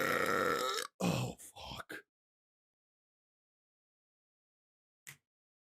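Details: Loud, drawn-out belch, then a few short throaty grunts, from a livestreamer; burping.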